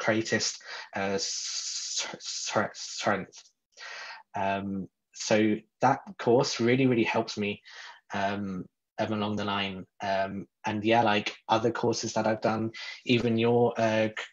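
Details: Adult who describes himself as a person who stutters, speaking in a podcast interview; stuttering.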